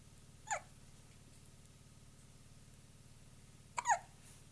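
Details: Two short, sharp hiccups about three seconds apart over a steady low hum.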